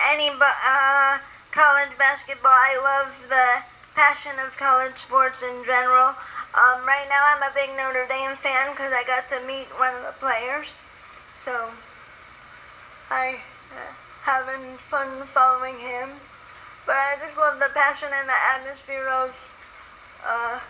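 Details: Dysarthria from spastic quadriplegic cerebral palsy, present from birth, in a woman born 3 months premature at 1 lb 14 oz; she is a lifelong wheelchair user and says her muscles are very tight, audible when excited.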